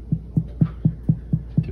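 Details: Abdominal percussion demonstrated with a middle finger tapping the middle finger of the other hand laid flat on the abdomen, the patient rolled to one side: seven quick, evenly spaced taps give short low thuds shifting between dull and tympanic, showing shifting dullness.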